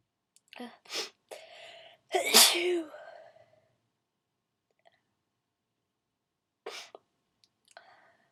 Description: hi thar. its a request, yes. (to do loud wet sneezes..)